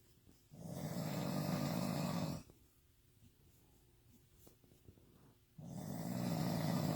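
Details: Drunk person snoring intensely: two long, loud, low rattling snores about three seconds apart, separated by quiet pauses.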